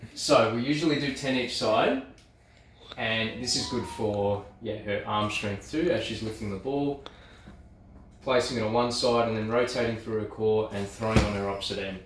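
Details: Adult speaker (physiotherapist); typical speech.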